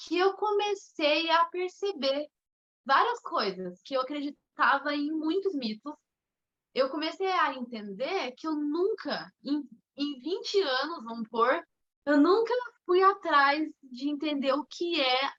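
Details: Mild stuttering in a woman, with onset around age two and a half to three.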